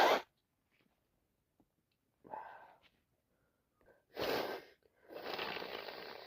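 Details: Adult with a severe head cold, recorded in real time: sharp inhaled catches followed by several forceful, explosive, wet sneezes; sneezing.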